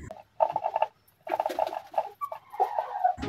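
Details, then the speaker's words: A resting chicken with snoring-type respiratory rattle ("ngorok"). Breathing is somewhat heavy, with short rattling, gurgling "rok rok" bursts at rest. Its face still looks fresh and the bird is active. "Kalau saya pribadi ketika ayam saya hanya sekedar ngorok, nafasnya agak berat dan ada suara saat istirahat seperti mendengkur ya"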